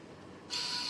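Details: Student-built emergency COVID-19 ventilator (E-Ventilator KMITL, Arduino Mega and ESP32 control): quiet room noise, then a steady high mechanical whine as the drive motor starts running.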